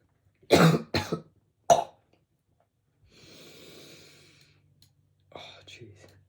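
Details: Cough from a speaker with a really bad sore throat, during a spoken trading recap, alongside throat clearing: cough.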